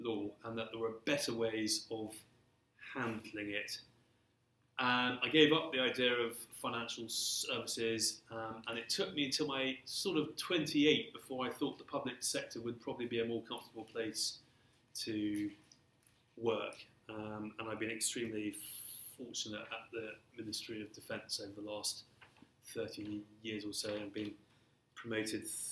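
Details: Stammering in an adult man who has stammered since early childhood and throughout his career; stammering (stuttering).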